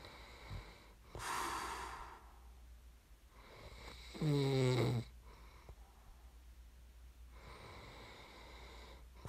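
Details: ASMR snoring recording made for listening to fall asleep: loud rattling inhaled snores with a deep buzzing tone, separated by quieter breaths; typical snoring during sleep.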